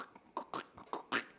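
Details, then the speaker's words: Imitated joint crepitus, usually painless: short clicking, popping mouth sounds mimicking the small cracks of knees, ankles or hips with each step on stairs. "typically no pain is associated with this but we hear this noise right anytime you crack your knuckles or crack a joint what's actually going on in there"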